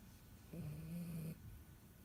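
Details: Dachshund puppy asleep: a single low, buzzing snoring breath over faint background hiss.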